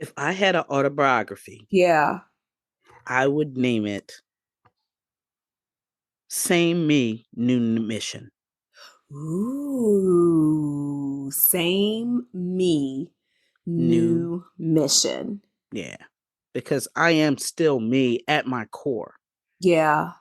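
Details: Adult female stroke survivor and aphasia advocate with aphasia after stroke; post-stroke aphasia.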